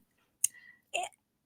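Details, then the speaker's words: Loud mechanical heart valve clicks, two sharp crisp clicks half a second apart, audible during an interview with a woman who has mechanical valves after a heart infection and a 7-month hospitalization. "can you guys hear my heartbeat oh I don't know if you can heard out but I have mechanical valves and they're really loud"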